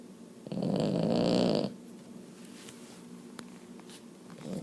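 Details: Sleeping female Boston Terrier gives one long, loud, rattling snore on breathing in, then quiet breathing. She rarely snores, but when she does it is usually this loud or louder. Snoring.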